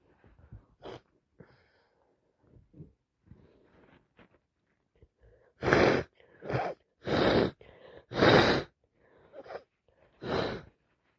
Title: More cold sneezes 🤧